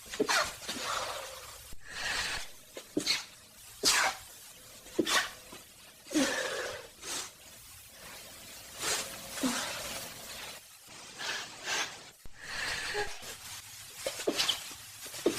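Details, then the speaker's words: Stuffy, congested sneezing: a run of sharp, explosive sneezes with quick breaths drawn in between, in a small quiet room. "think I need to sneeze. Something more."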